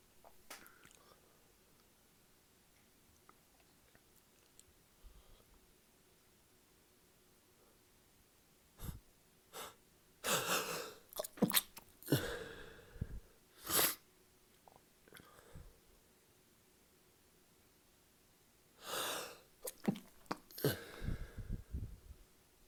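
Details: Adult's paroxysmal sneezing fit after drinking alcohol: repeated sharp explosive sneezes in quick clusters with breaths between them.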